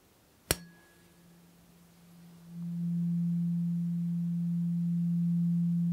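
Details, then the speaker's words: A strike then a steady pure ringing tone from the fourth of eight tuning forks, of rising frequency, in a simulated ASMR roleplay hearing frequency test, played to each ear. "okay so this one I think jumps up a little frequency wise how did that sound in each of those ears nice and strong still good"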